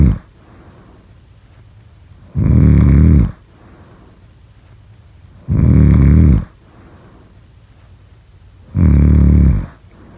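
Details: Snoring.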